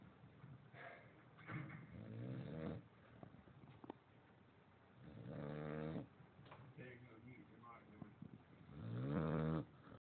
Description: He's snores a lot louder in person(x